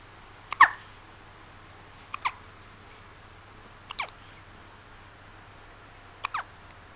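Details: Hiccups in a 2-week-old baby: four brief, sharp catches of breath about two seconds apart in a quiet room, loud infant hiccups.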